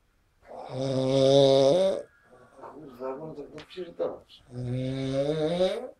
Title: Snoring man sleeping after a party. Chrapanie śpiącego po imprezie.